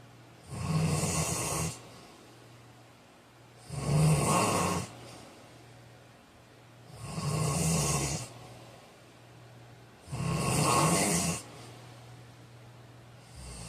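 Loud, rattling snores on each breath in, about four in the clip, roughly 19 a minute, with quieter breathing out between them.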